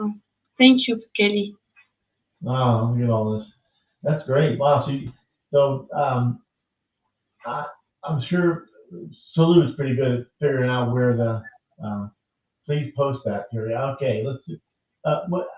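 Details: Adult speaker, likely male; ordinary conversational speech.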